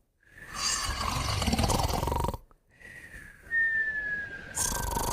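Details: Two pets snoring and whistling together: a rough, snorting inhalation followed by a high, thin nasal whistle on breathing. Snoring with whistling.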